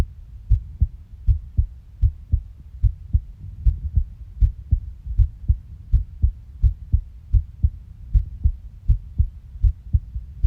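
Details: Steady low thumps in paired beats, about 80 a minute, a regular heartbeat.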